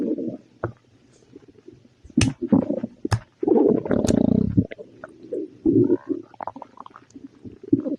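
Loud, gurgling, rumbling stomach noises in irregular bursts with bubbly pops; hyperactive bowel sounds with an upset stomach.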